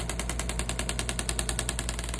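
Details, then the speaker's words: Shockwave therapy device delivering rapid, regular knocking pulses, about ten per second, over an injured trainer's Achilles tendon and calf (soleus, gastrocnemius), treating pain and scar tissue; parameters adjusted to patient comfort. "We can go around what's called the soleus and the gastroc, and we're working right on his Achilles, getting good coverage."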